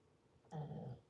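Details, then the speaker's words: A single low, rattling, growl-like snore from a dog sleeping in a bedroom, about half a second against a quiet room: snoring. "for my freaking dog and his snoring guys I know you hear it all the time"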